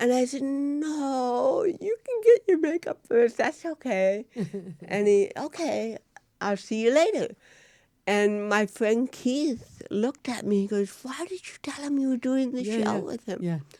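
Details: Real-life speech from a woman, an actress, who has cerebral palsy; dysarthria in cerebral palsy.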